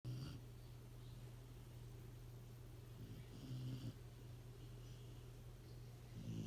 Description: Punkin, the mini golden doodle snoring in moms 🛏